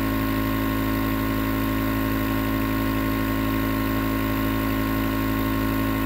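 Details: Continuous nebulizer compressor running, recorded as white noise for sleep: loud, steady mechanical hum with a fast pulsing drone.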